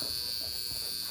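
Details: Steady high-pitched electric buzz, like a bug zapper, from a portable high-frequency skincare device on its top setting, glided over the face with the skin pulled taut.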